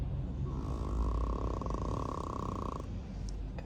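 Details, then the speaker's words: Dog snoring like a grown man: low rumbling, rattling snore through one long breath, with a steady faint tone over it; loud dog snoring. "заправский мужик храпит. Дай боже. Это килограмм 400 или сколько она там? Килограмм 700 весит. Храпишь ты как мужик."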